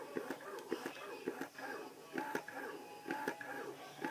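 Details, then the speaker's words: Medela Pump In Style electric breast pump switched from the fast initial let-down phase to the slower, deeper expression mode: rhythmic mechanical sucking and clicking pulses, about one a second. "then that that's a slower deeper pace so it's supposed to be like fast in the beginning just to get your milk going and then it slows down for whatever a different pace"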